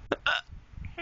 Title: hiccups :) and im with my bestie!